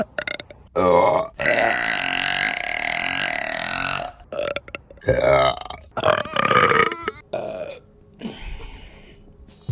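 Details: Repeated burping: several loud, long, voiced belches in succession, some drawn out for seconds.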